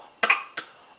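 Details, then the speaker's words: Infant with a bad cough: two brief, sharp dry coughs, the first a quick double burst, in a quiet room, with an adult voicing concern. "oh my goodness do you have a bad car oh that's a bad cough oh oh"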